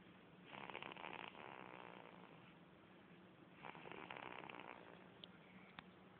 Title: Baby snoring... Just like mummy & daddy.lol.